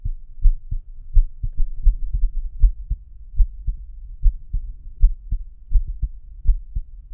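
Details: Self-recorded heartbeat via homemade stethoscope microphone (lapel mic inside stethoscope tubing): clear low paired thumps at about 79 a minute; normal heartbeat.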